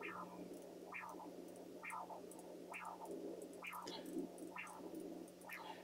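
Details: Pulsed wave Doppler signal from a Philips CX50 portable ultrasound with a linear transducer, no ECG attached: rhythmic whooshing pulses, about 65 a minute, following blood flow over a steady low hum.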